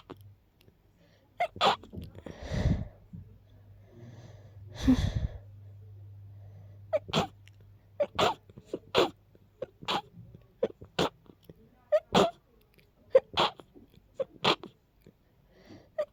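Two forceful wet sneezes, then a run of sharp nasal snorts and sniffs over a faint hum; congested sneezing with a stuffy nose.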